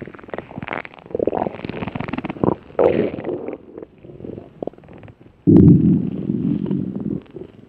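Low gurgling rumbles and bubbling, ending in a longer loud growl; ordinary stomach growling from gas and fluid moving through the gut.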